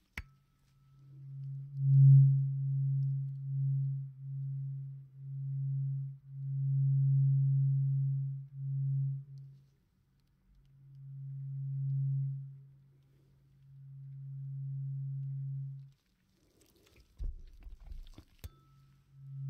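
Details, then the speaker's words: Roleplayed (not real) tuning fork hearing test during a whispered ear exam: a steady, low, pure hum from a struck tuning fork, repeatedly sounding and fading, with left-right and clear-versus-muffled comparison. "And also the sound, do you hear it cleared or muffled, or how is it?"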